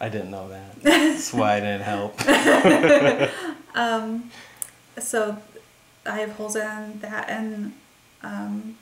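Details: Adult speaker, conversational; normal speech.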